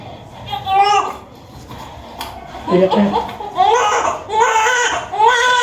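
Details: Newborn baby boy crying just after a normal vaginal birth: repeated short, rising and falling wails, with faint adult voices in the room.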